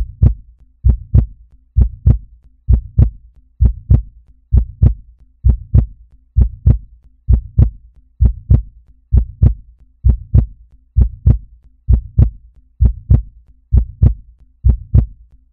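Steady, regular paired heart sounds at about 65 beats a minute; a normal heartbeat.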